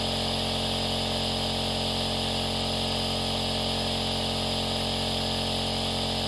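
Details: Continuous mechanical hum of an aerosol nebulizer compressor running.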